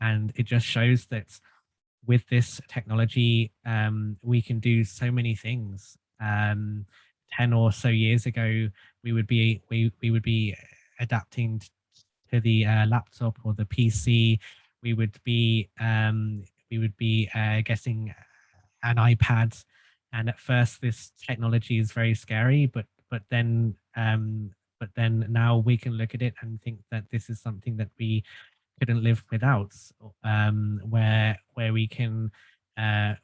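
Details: Stuttering in an adult man who has stuttered since childhood and had group speech therapy.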